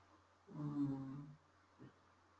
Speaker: yes it's a dog yes can you hear my dog [Laughter] snoring I'm so sorry